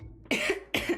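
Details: Cough from an adult woman live-streaming while crafting, whose voice is strained and who is sipping honey tea.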